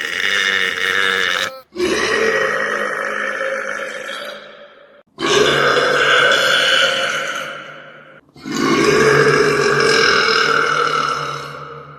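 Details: Male belching: three long, loud, drawn-out burps in a row, each a deep rumbling voiced belch lasting a few seconds.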